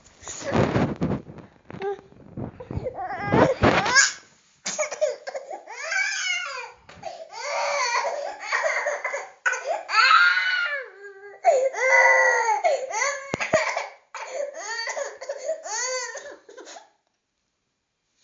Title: ANGRY BABY SOUND EFFECT - CC SOUND #soundeffects